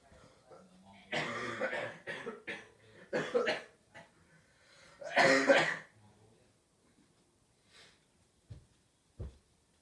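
Several bouts of harsh, explosive coughing from an adult, a few bursts each, in a small room, then quiet with a couple of faint sounds.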